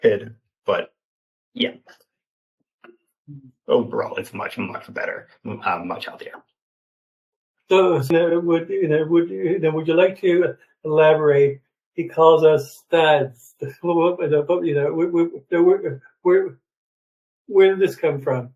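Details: 28-year-old man, an open stutterer who had speech therapy from elementary through high school, speaking in an interview; stuttering.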